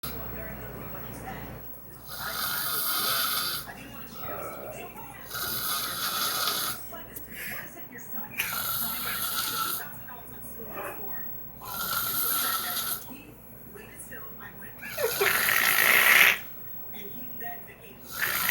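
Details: Mother's loud, harsh, regular snoring, about 13 breaths a minute, with a raspy hiss on each inward breath.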